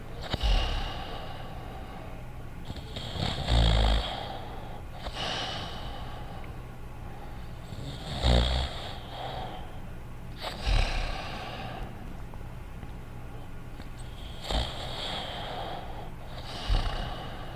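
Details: Cartoon character Dogtanian snoring quietly in a 1980s animated series: soft, irregular snores with occasional snorting breaths over a quiet background; simulated snoring.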